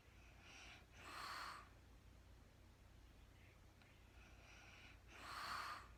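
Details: Real-time recording of a woman snoring during sleep, no talking: two soft, airy snoring breaths about four seconds apart over quiet room hiss; light snoring.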